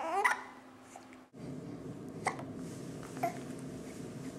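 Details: One-week-old newborn girl gives three short, sharp hiccups over about four seconds, with steady room hum; hiccups occur three to four times a day.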